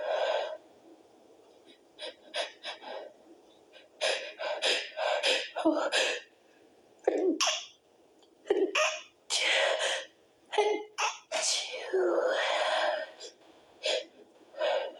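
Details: Person trying to stifle sneezes, some too strong to hold back: a run of short, muffled, partly held-back sneezes with gasps between, a few breaking through louder; stifled sneeze.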